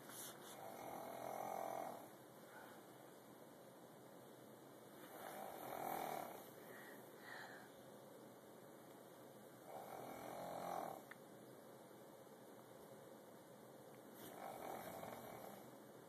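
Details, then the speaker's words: Snoring from a grandmother, loud enough that a child likens it to a whale: slow, rough, hollow snores about every four to five seconds, roughly 13 a minute, over steady background hiss. "Do you hear snoring? Silly. My. Is that a whale?"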